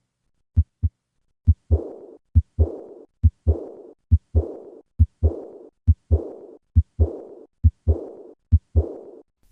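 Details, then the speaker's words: Teaching heart sound demonstration: regular heart sounds near 68 a minute, each beat followed by a blowing, fading murmur; combined aortic stenosis and regurgitation murmur. "When this murmur is accompanied by an ejection click, it suggests a bicuspid aortic valve. Listen once again to the murmur of combined aortic stenosis and regurgitation."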